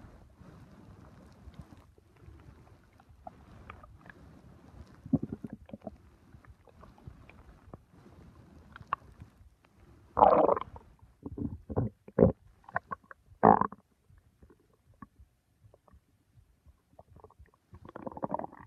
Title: Stomach sounds